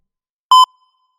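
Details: Stock heart monitor sound effect: a single short, pure electronic beep with a faint fading tail; simulated heart monitor tone.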